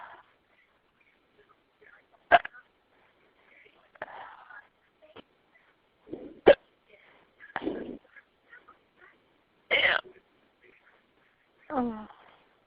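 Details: An adult with hiccups after a couple of glasses of wine: several abrupt, sharp, voiced gulps at irregular intervals, about 14 a minute.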